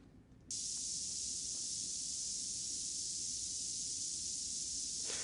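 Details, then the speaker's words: Simulated mild tinnitus: a steady very high-pitched band of hiss with a faint low rumble beneath, representing a mild level of tinnitus. "It's more like a very high-pitched band of noise that sometimes is in the background and sometimes is very much in the foreground, as it is right now."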